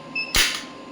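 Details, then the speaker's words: Single electromagnetic radial shockwave therapy pulse on elbow joint at 1 Hz, low energy (5 mJ, being increased toward 65 mJ of 100 mJ maximum): sharp, loud snapping click with quiet hum behind it. "The frequency is 1 Hz and 5 millijoule. Let's see, frequency is 1 Hz only, the starting one, and the energy is 5 millijoule."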